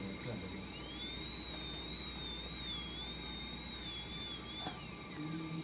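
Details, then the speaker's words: Class V (cervical) cavity preparation for amalgam: a high-pitched, wavering dental drill whine over low room noise while finishing the cavity. "now we will try to finish first we have to check the depth of the cavity in different parts of the area and then we will try to finish the direction of of the bird is very important"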